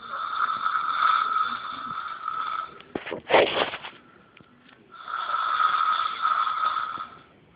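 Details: Loud snoring by a sleeping boy: loud, rough breathing with a brief snort, then resuming.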